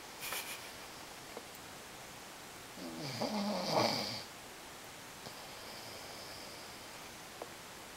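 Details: Wheaten mix dog snoring.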